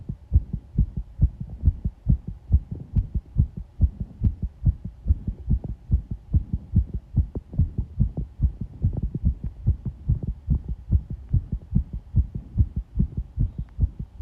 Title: 圧迫心音 pressure heartbeat sound